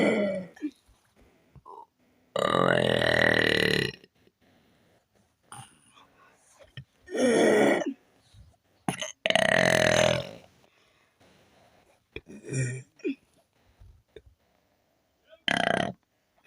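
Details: Person burping on command: a run of about six loud, drawn-out, voiced belches separated by short pauses and small throat sounds; deliberate burping.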